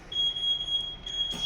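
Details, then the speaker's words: Steady high-pitched alarm tone from an anesthesia machine: low FiO2 alarm caused by a faulty oxygen sensor, sounding while tidal volume and ventilation settings are being set. "now we are setting the title volume like this FIA to low error because uh here the O sensor is faultiest one. So we just ordered and waiting for the oxygen sensor."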